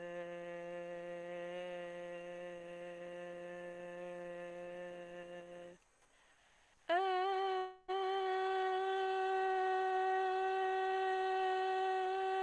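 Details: Adult singer, laryngoscopy recording; normal vocal fold vibration during singing.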